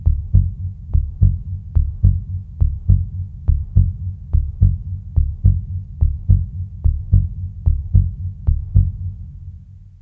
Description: El sonido real de un corazón latiendo.